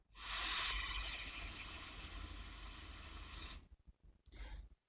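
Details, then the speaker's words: ResMed AirMini portable CPAP running a mask fit test: steady loud rushing airflow for about three and a half seconds, then stopping, with high leak detected. "ต่อไปนะเรามาดูตรงคำว่าfitmFไม่มีอะไรอ่าfitmก็คือนี่แหละมาดูว่ามันรั่วไม่รั่วนะ"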